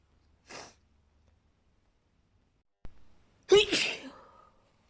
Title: chhinkni sneezing fit